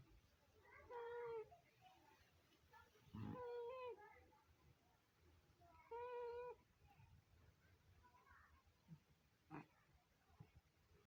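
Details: A sleeping Scottish Fold cat snores with high, whistling squeaks on some breaths against quiet room noise. Snoring.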